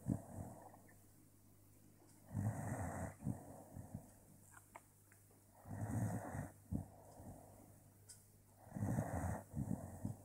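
Rhythmic rattling snores on each in-breath, about one every three seconds, with quiet breathing between them in a small room.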